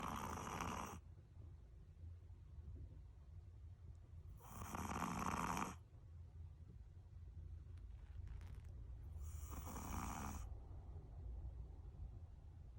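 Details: Small dog, possibly 8-year-old male Chihuahua–Shih Tzu mix or 5-year-old female Shih Tzu, sleeping soundly on a futon: three long raspy snores, one every 4–5 seconds.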